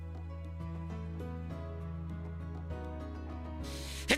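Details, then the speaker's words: Adult streamer announces a sneeze during gameplay; over steady game music, a brief hissing rush and one sharp, muffled, partly cut-off sneeze. "I got to sneeze."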